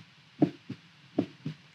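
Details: Normal heart sounds of an adult man through a stethoscope, used as a reference for face-video heart rate: steady lub-dub heartbeats, regular rhythm, about 78 beats a minute.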